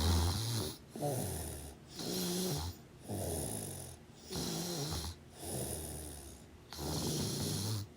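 Loud, rough, rattling snores repeat in a steady rhythm with brief quiet gaps between them: ordinary snoring during sleep.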